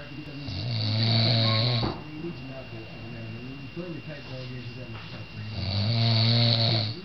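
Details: Exhausted father asleep after visiting the CN Tower, Toronto: two loud, rumbling inhaled snores about five seconds apart, with quieter breathing between; snoring.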